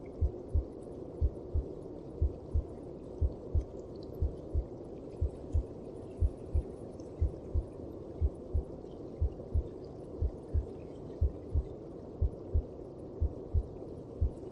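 Steady, regular low heartbeat thumps at about 60 beats a minute over a constant muffled whooshing hum, like sounds heard inside the womb.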